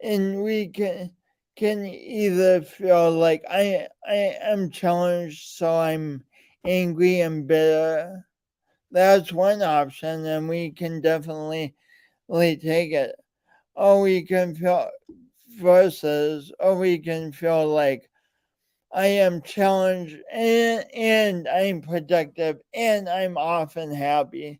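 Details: Adult male with a speech impediment and coordination differences present since birth and still ongoing; speech impediment with disfluency.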